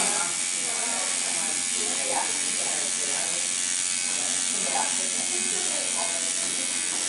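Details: In-office RejuvaPen microneedling pigmentation procedure for unwanted coloration and scarring on a woman after topical numbing: a continuous high buzzing motor hum with faint mechanical clicking as the pen makes passes over the skin.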